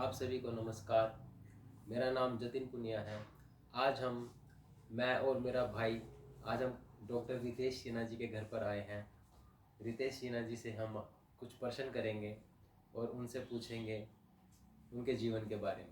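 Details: Adult male speaker; normal speech.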